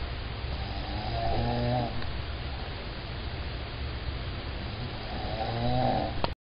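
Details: Animal snoring: low rumbling snores with a nasal, tonal quality recurring every few seconds over steady background hum.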